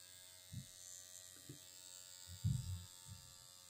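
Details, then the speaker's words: Dr Pen A11 Ultima Pro microneedling pen switched on at speed three, used on own forehead for wrinkles and fine lines (forehead depth one to three): faint steady electric buzz with soft low thumps as it runs over skin. "Turn it on. Speed one, two, three. And I think we're going."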